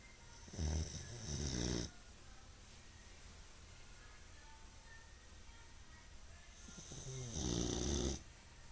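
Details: Boxer dog snoring: two loud, rough, rattling, fluttering snoring breaths.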